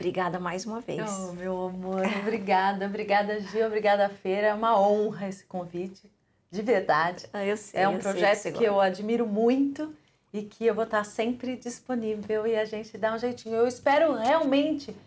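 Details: Adult woman speaking Portuguese; normal speech.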